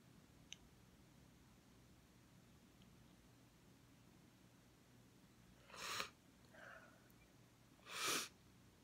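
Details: Two quiet, uncovered sneezes about two seconds apart from a girl in glasses in a quiet room.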